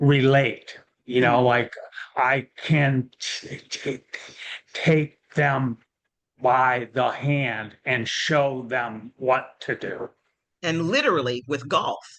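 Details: Real adult male with aphasia following a stroke; early after onset he could not speak at all; aphasia.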